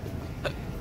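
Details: A single short, sharp hiccup from an adult woman whose recurring, hard-to-stop hiccups have returned, against a low room hum.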